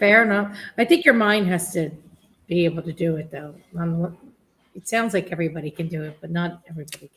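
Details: Adult speaker; typical speech.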